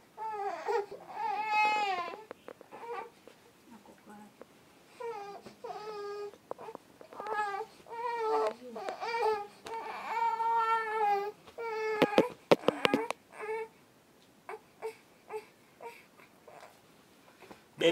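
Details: Three-month-old infant crying in repeated wailing bursts with short gaps for breath, in a small room.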